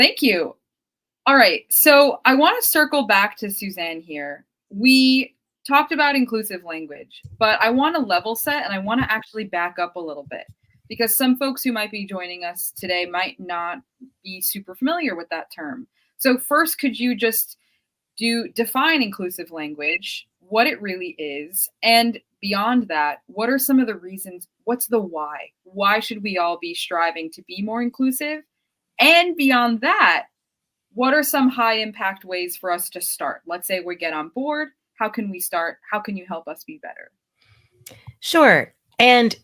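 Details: Adult woman speaking, with a second voice briefly at the end; normal speech.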